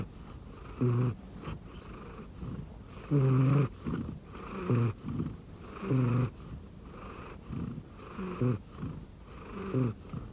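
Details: Snoring in a sleeping rescue cat resting on an arm pillow under a futon: irregular, low, fluttering snores a few seconds apart during comfortable sleep.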